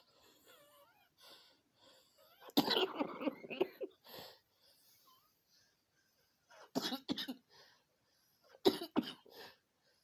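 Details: Person with ongoing cough, back inside after walking dog and jogging a bit, trying to hold back a coughing fit: quiet breathing broken by three bouts of short, partly stifled coughs.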